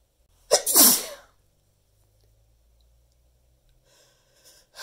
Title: teasing sneezes with torturous buildups